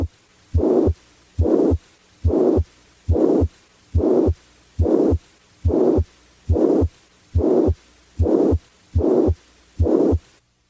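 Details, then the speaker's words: Pansystolic murmur of mitral regurgitation: regular heartbeat near 71 a minute, with a murmur starting at S1 and stopping at S2, with no gap before or after the heart sounds. "a pansystolic murmur as heard with mitral regurgitation starts with s1 and stops at s2 without a gap between murmur and heart sounds"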